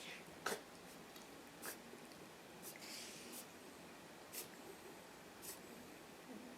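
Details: Dog having reverse sneezing attacks that began after recent boarding: about six brief, sharp snorting breaths at roughly one per second; reverse sneezing.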